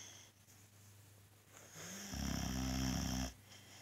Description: Our boxer dog snoring and sleeping happily, sometimes he can be so loud that we can't hear the TV